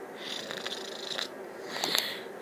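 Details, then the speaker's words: Younger sister asleep, recorded on an Android phone: two harsh, hissing snorts through the nose in a quiet room, quite loud; snoring. "Okay. Okay. Okay. Jesus, snorts quite loud."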